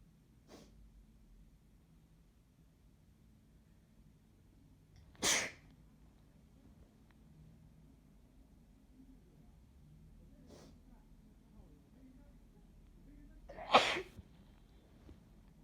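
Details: Two sharp sneeze bursts, each preceded by a softer breath sound, in a quiet room; sneezing.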